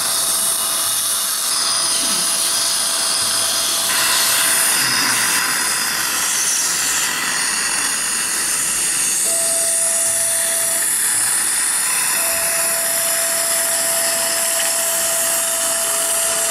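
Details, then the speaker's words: Steady high whine and hiss of a surgical drill with water spray during the first 2.0 mm drill of a guided flapless All-on-4 implant osteotomy on a maxilla model, computer-guided surgical guide, angulated implants: dental implant drill. "I'm gonna start with the implant osteotomy according to the same plan guideline this is 28 relent and 2.0 this is the first fire drill and this is the key I'll be using it"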